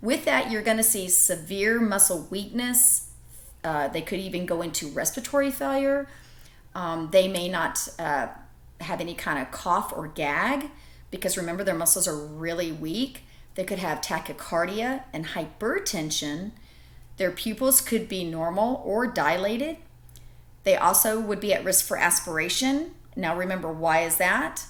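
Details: Adult woman speaking; normal speech.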